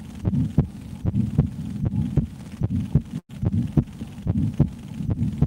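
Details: Adult woman's heartbeat heard through a stethoscope: steady lub-dub heart sounds at about 73 beats a minute; normal resting heartbeat.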